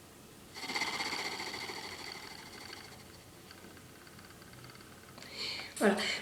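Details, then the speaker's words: Cystic fibrosis airway clearance: after a big breath in and a full exhale, a small breath is held, then a long exhalation through an oscillating device gives a steady buzzing rattle that fades, then a quick breath; oscillating positive expiratory pressure. "on prend une grande inspiration on souffle jusqu'au bout jusqu'au bout on reprend une toute petite inspiration on bloque et on souffle on souffle on souffle on souffle on souffle et vous verrez les sécrétions elles reviennent"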